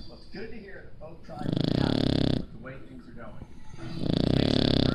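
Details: Sleeping Shar Pei puppy, loud, rough, rattling snores in long bursts with quieter breaths between, in a small room; snoring.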